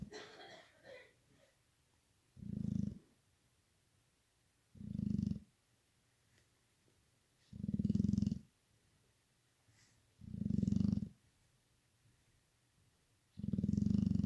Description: Gets MUCH louder with the Husband sawing logs on one side , and her on the other!